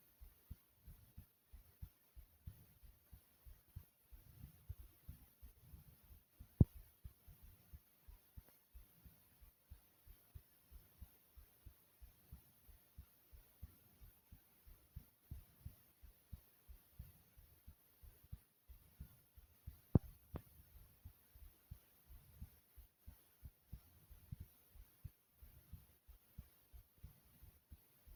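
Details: Person's own heartbeat recorded through the chest, described as soft and quick: regular quick thumps with a couple of brief clicks; rapid heartbeat.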